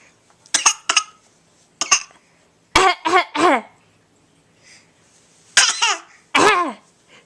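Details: Young child filmed February 2013 on a Flip Video camcorder: short deliberate fake coughs in bursts, blending into laughter-like voiced sounds; voluntary cough.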